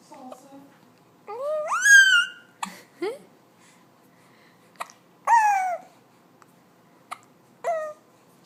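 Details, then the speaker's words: Two-month-old baby hiccuping after laughing a lot: coos and squeals broken by short, abrupt clicking catches every few seconds; infant hiccups. "Oh, now you have the hiccups. You're laughing too much and now you have the hiccups."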